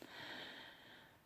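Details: Adult with severe asthma, recent weight gain and severe sleep apnoea, talking while breathing badly: one noisy, effortful breath with a faint hissing, wheezy quality, laboured wheezy breathing.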